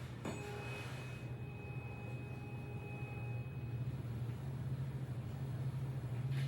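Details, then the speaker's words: Faint pure tuning-fork tone fading out over low room hum during a cranial nerve 8 exam demonstration; Rinne test comparing air conduction near the ear with bone conduction at the mastoid process. "And the Rinna test, in which he should hear a tuning fork longer near the ear by air conduction than through the mastoid process by bone conduction."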